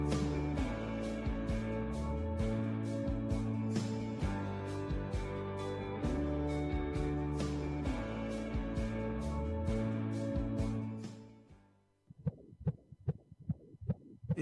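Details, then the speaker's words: Fetal heartbeat on sonogram: after music, a fast, regular whooshing pulse begins. "that a beautiful sound the sonogram holds the sound of a baby's heartbeat"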